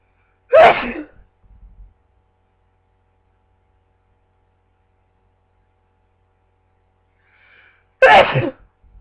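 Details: Person with repeated sneezing, unsure whether from a cold or allergies: two sharp, forceful explosive sneezes about seven seconds apart, each followed by a brief quiet breath, in a silent room; sneezing.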